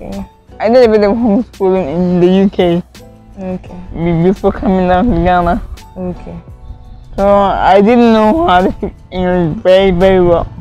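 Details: Adult woman with cerebral palsy from lack of oxygen to part of her brain at birth, impairing coordination; as a child she could not walk or talk; no specific speech disorder named; dysarthric speech in cerebral palsy.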